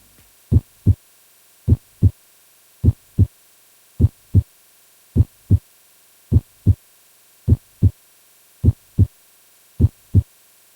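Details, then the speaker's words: Simulated, animated tutorial heartbeat: regular lub-dub at about 52 beats a minute, S2 at pulmonary and aortic valve closure, crisp with no extra sounds; normal heart sounds S1 and S2. "rces blood through the pulmonary and aortic valves and the S2 heart sound occurs when the pulmonary and aortic valves close."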